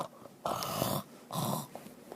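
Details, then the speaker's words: Imitated open-mouth snoring by an adult, two rough rattling snore-like bursts attributed to friction in the throat airway. "이 부분에 마찰이 일어나서 코고는 소리가 나게 됩니다"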